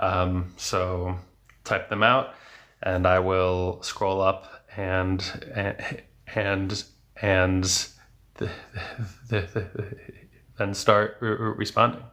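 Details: 34-year-old male speech-language pathologist who has stuttered since age 8, with speech therapy until his 20s from about a dozen therapists; word repetitions heard; stuttering.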